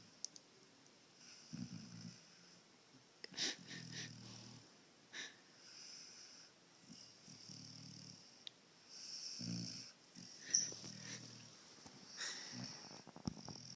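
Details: A sleeping pup with repeated low rattling snores on each breath, mixed with soft high whistling sounds in a quiet room; ordinary snoring.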